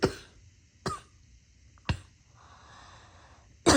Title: Tired of all this coughing…